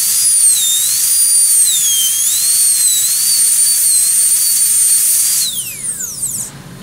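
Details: Air turbine dental handpiece with a 330 inverted-pear bur cutting a Class I cavity preparation on a typodont: steady high-pitched whine, pitch dipping as the bur meets the tooth, then spinning down.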